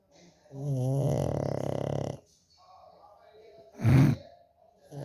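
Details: Sleeping dog snoring: long, fluttering, rattly snore on the in-breath, then a softer breath and a short snort.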